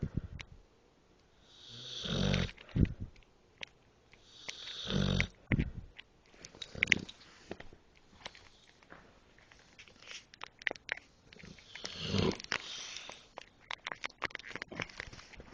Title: Ralph Quite Snoring!